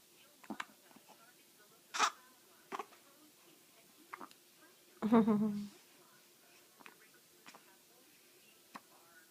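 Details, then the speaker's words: Baby with hiccups in a quiet room; several brief, sharp hiccup catches followed by one short whiny voiced sound. "You got hiccups? Oh."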